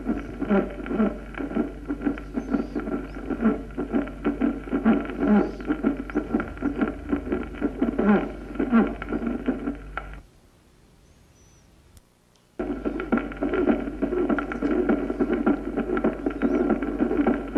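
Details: Protosystolic (early systolic) murmur: rapid, rough heart sounds with a steady musical, tonal quality running through them, broken by a brief silence: musical systolic murmur.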